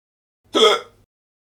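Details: Free sound-effect recording of an adult man with hiccups: a single abrupt, short voiced gulp in a quiet room.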